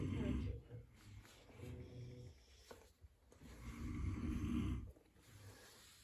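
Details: Adult father snoring with low rattling snores while asleep in a quiet room, with a child talking faintly nearby.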